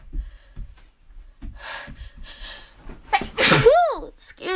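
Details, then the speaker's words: Allergy sneezing with exaggerated vocal buildup and nose-blowing: soft breaths and a gasping buildup, then one loud voiced sneeze that trails off; person says sneezing won't stop. "oh my gosh sneezing is out of control today oh gosh oh still got more it's ugh i have to sneeze huh oh excuse me every time i blow my nose i have to sneeze again it just doesn't stop"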